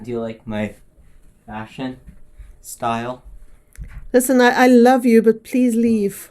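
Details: Adult speakers in a film scene; ordinary speech.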